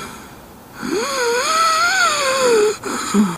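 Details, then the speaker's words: Long, high musical whistle on breathing out, rising and falling in pitch, played as an example of wheezing (mengi) in asthma, chronic airway narrowing or inflammation with cough: wheezing. "Asma merupakan penyumbatan saluran nafas atau peradangan saluran nafas yang berlangsung secara kronis, yang ditandai dengan adanya batuk, adanya mengi atau wheezing."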